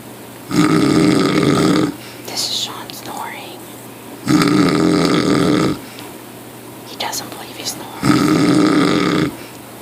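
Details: Snoring: three loud, rough, buzzing snores about every three and a half seconds, with quiet breathing and small noises between them.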